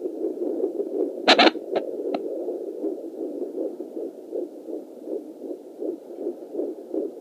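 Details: Fetal heartbeat on a Doppler at 14 weeks 6 days, with weird noises noted: rapid rhythmic whooshing pulse through hiss, broken early by a few loud crackling bumps from probe movement.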